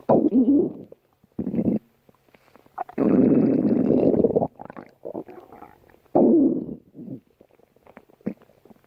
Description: Here's a special stomach growl video just for you!